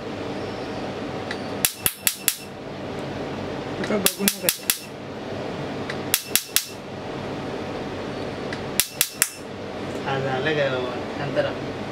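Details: Laser tattoo removal at a tattoo studio: sharp cracking snaps in short bursts of three or four, separated by pauses, over low room noise; the first shot is described as strong.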